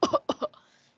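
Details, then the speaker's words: Child coughing during an English lesson, with cold winter weather in Hanoi mentioned: two short, sharp coughs in quick succession with a faint room tail. "Coughing. You are coughing? Oh yeah. I can actually hear your cough."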